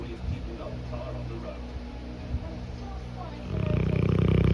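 Low rumbling breaths over room noise, building to a loud, fluttering snore at the end.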